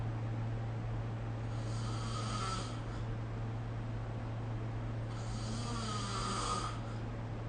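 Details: Snoring recorded during sleep with the SnoreLab app: two rough, rattling snores about five seconds apart over a steady low hum.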